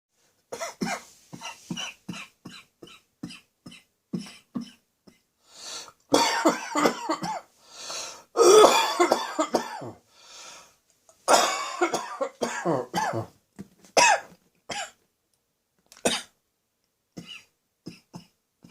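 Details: Adult's slightly chesty barking cough, lingering and recurring now and then, not entirely gone: repeated harsh, barking bursts with a slightly wet, chesty edge.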